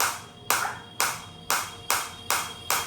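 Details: Focused (not radial) acoustic shockwave therapy device applied to the operator's own body, frequency being raised toward its 180 maximum with intensity auto-adjusting: sharp, regular snapping pulses about every half second.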